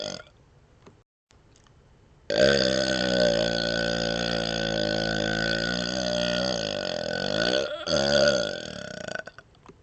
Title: Burping With Tongue Wiggling & Licking Outside Mouth #1